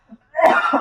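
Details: Cough.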